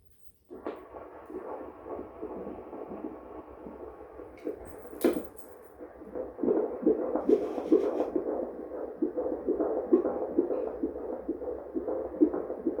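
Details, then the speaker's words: Rapid whooshing fetal heartbeat on a Doppler at about 136–137 beats a minute, a normal rate, at 27 weeks of pregnancy during a prenatal visit. "did you hear her say anything or just the heart beating just the heart"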